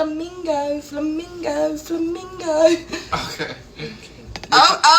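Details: Person with Tourette syndrome, filmed while cooking, with a vocal tic of repeating a word: vocal tics (Tourette syndrome).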